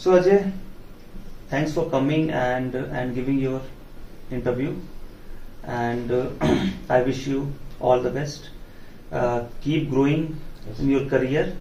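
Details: Adult man speaking; normal speech.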